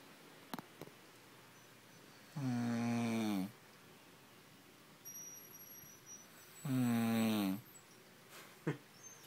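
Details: Adult demonstrating snoring: two loud, buzzy, tonal snores about four seconds apart, with quiet room noise and faint clicks between.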